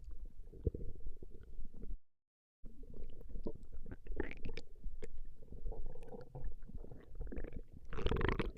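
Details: Woman's stomach growling from a 20-minute recording: continuous low rumbling and gurgling from the belly with a brief gap; ordinary borborygmi.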